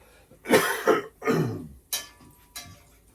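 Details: Two loose, wet coughs in close succession in a small room, then brief throat noises, from an adult man recovering from a cold or flu. He has lost his voice and was given a prednisone steroid shot.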